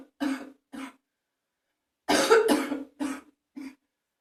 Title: #67 morning phlegmy cough with some spitting in the bathroom ... Ew